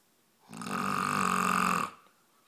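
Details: A loud snore during sleep, a single harsh, rattling breath lasting just over a second in a quiet room; the snore woke a sleeping cat.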